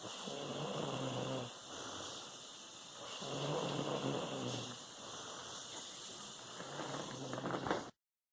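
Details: Female sleeper snoring heavily, said to sound like her mother: slow, rough, rumbling breaths recurring about every three seconds during sleep.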